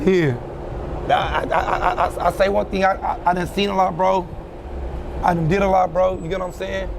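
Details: Stuttering in a man who says he now stutters, pauses, and stops since a severe hand injury on July 4, which he links to possible PTSD.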